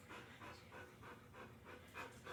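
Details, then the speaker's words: Female dog panting during a TPR and auscultation exam. Her respiration is counted at about 120 breaths per minute, high against a normal of 10–30, and attributed to panting that is her usual behaviour. "s panting so that does kind of affect the respiration but if we can calm her a little bit um i'm going to be physically looking to see that inspiration exploration in her abdomen i can hear with the pant and then i can even kind of palpate and feel that going on"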